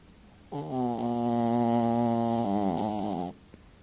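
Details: One long, loud, tonal snore with a steady pitch that wavers near its end; snoring.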